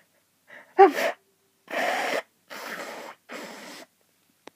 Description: Fits and stifles from hayfever today. Sooo much sneezing!